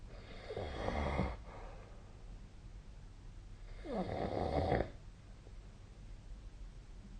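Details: Snoring during sleep, with SnoreLab, a snore-tracking app, linked: two rough, rattling snores on breathing in, separated by a quiet pause, with low room hiss behind.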